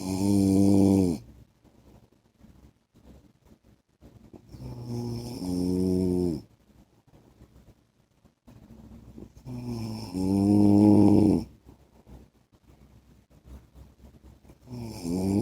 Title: 10 MINUTES MY HUSBAND'S SNORING SOUND